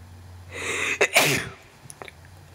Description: Me sneezing a few times.